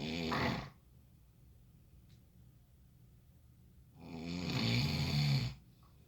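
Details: Two loud rattling low breaths about three seconds apart with quiet pauses between, roughly 15–20 breaths a minute: snoring.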